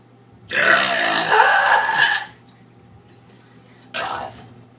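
A long, loud voiced belch of nearly two seconds, then a shorter second belch: burping.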